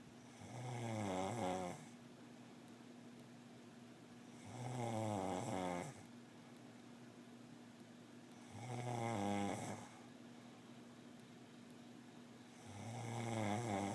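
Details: Person snoring: regular loud, rattling snores with each inward breath, about 15 a minute, over steady room hum.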